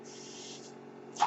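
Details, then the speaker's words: Mechanical ventilator running while the user speaks: a steady low mechanical hum with a soft airy hiss, then a brief rush of air at the end. "Hello everyone, my name is. That noise you're hearing is my ventilator."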